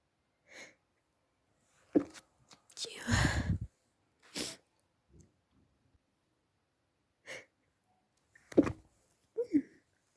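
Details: Stifled, muffled sneezing fit held back to stay quiet while family slept, recorded at night during a cold: short sneezes with held-back breaths between them, a few louder.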